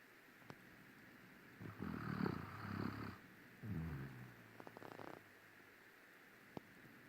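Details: Two low, rumbling snores on the in-breath, then a quieter fluttering breath, over faint room noise; snoring.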